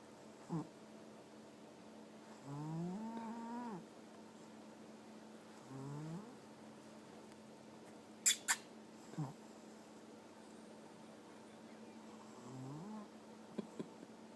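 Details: Sleeping cat snoring: occasional soft, slightly pitched snores about a second long, spaced several seconds apart in a quiet room; snoring.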